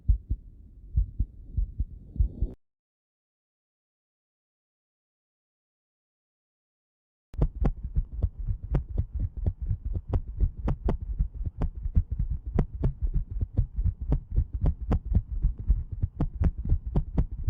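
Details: Veterinary cardiovascular exam teaching example: rapid, irregularly irregular heartbeats with varying loudness after a brief gap; atrial fibrillation.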